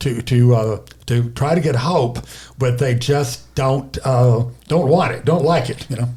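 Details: Aphasia in a male stroke survivor, caused by a left-hemisphere stroke, affecting language.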